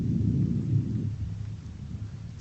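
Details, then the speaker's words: Normal vesicular breath sounds heard at symmetric points over the back along the scapular line, 7th to 9th intercostal spaces, right then left, during lung auscultation. "мы можем сделать заключение что приускультации в симметричных точках выслушивается везикулярно"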